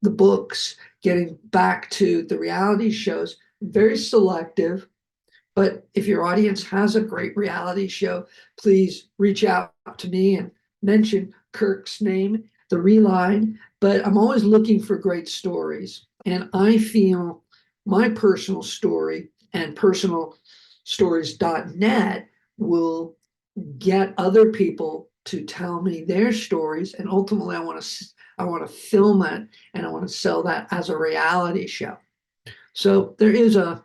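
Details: Adult male film producer, a heart attack and aphasia survivor with multiple health challenges, speaking just after noting his aphasia was kicking in; aphasia.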